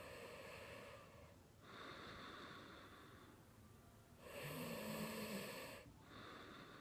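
Soft, hissing, buzzy breath sounds alternating in a steady rhythm of roughly nine to ten breaths a minute, with faint background noise.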